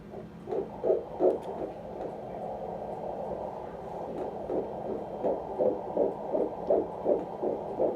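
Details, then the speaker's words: Fetal heartbeat heard by ultrasound Doppler at a 16-year-old mother's first ultrasound visit: rapid, regular whooshing pulses at about 160 a minute over a low hum, in the normal fetal range. "All right, so I'm gonna listen for heartbeat."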